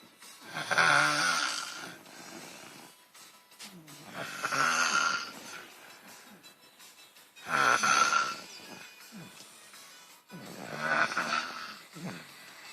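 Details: Four loud, rattling snores about 3 seconds apart on breaths in, with a whistling edge, in a quiet room; snoring.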